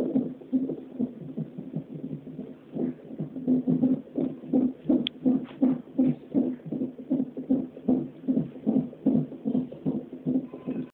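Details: Fetal heartbeat with fetal hiccups during a non-stress test (NST) on a fetal monitor: fast, rhythmic whooshing pulses at about 158 a minute, with occasional extra bumps from the hiccups.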